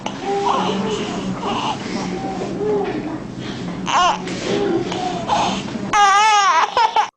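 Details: Infant whose X-ray found a tumoral mass compressing the trachea: loud, harsh noisy breathing with tonal sounds on each breath, ending in a short cry; noisy breathing from tracheal compression by a mediastinal mass.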